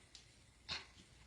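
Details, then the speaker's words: An adult imitates a breastfeeding infant's swallow with a single soft, breathy "kuh", the sound heard once milk lets down while the baby sucks. It is a sign of milk transfer and can be very quiet. "you're listening for the swallow and a swallow sounds like this it sounds like so you'll hear the milk start to let down or come out and the baby starts sucking and all of a sudden you"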